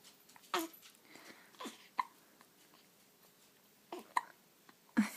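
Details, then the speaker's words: Soft, sudden catching sounds at irregular intervals, about six in five seconds, from an awake infant girl lying in a rock and play: infant hiccups. "you see those hands oh those hicups those hiccups are the worst yeah hi sweety"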